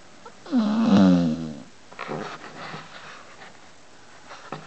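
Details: A sleeping pit bull gives one loud, whistling, groaning snore on a single breath, followed by softer snorting and snuffling breath noises; snoring.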